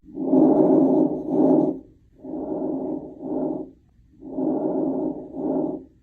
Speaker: And lastly, we have diminished breath sounds. Just like the name suggests, let's listen to normal and then diminished.